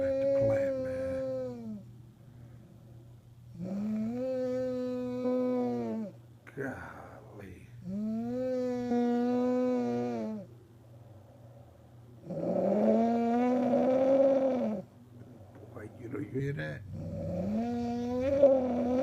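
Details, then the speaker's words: Adult woman (wife) snoring in sleep after a hard day's work: loud, drawn-out snores with a moaning, horn-like tone, about 14 a minute, varying in pitch and strength; heavy snoring likened to a factory horn. "It sound like a it sound like lunchtime at the plant. That sound like lunchtime"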